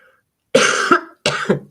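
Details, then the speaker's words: Two short, loose coughs from an adult woman in a quiet room, a lingering cough after a cold that began with a runny nose. "And of course, I'm still coughing a little."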